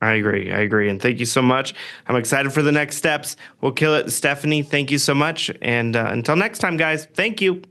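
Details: Adult man; typical voice.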